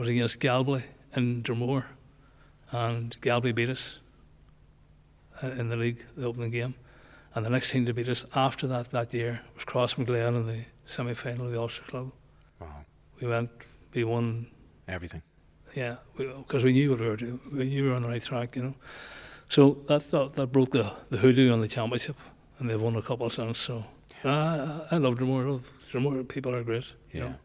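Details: Man nearly 65 with Parkinson's disease, voice problem noticed before diagnosis, also word-finding difficulty; hypokinetic dysarthria (Parkinson's disease).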